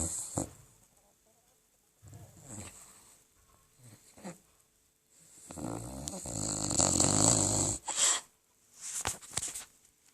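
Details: 13-year-old poodle snoring in sleep: irregular rough snorting breaths with a few louder rattling snores.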